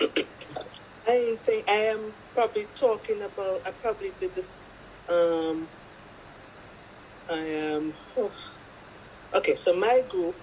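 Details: Person with aphasia speaking in a group video of people with aphasia: aphasia.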